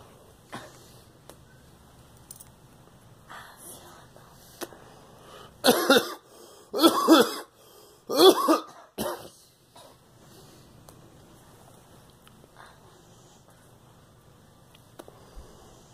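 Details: A girl gives a short run of four coughs, then quiet room noise; cough.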